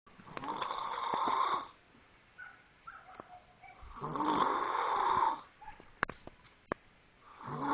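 Loud rasping snores on the in-breaths, about two in eight seconds, with quiet pauses and small clicks between; ordinary adult snoring.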